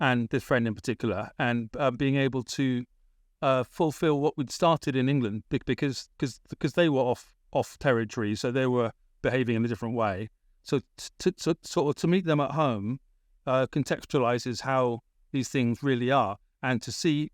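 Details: Adult British man with a persistent stammer that was a big issue around age 28–29; he had speech therapy in Britain; transcript shows word repetitions; stammering.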